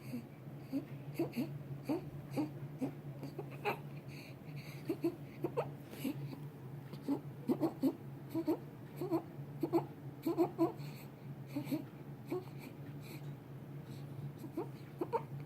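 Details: Infant whimpering with rapid, noisy, harsh breaths, stridor.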